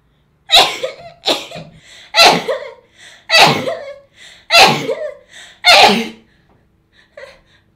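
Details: Six loud, explosive sneezes in rapid succession, each with a sharp breath before it, then a faint sniff, after a minty-feeling stimulus to the nose: repeated sneezing.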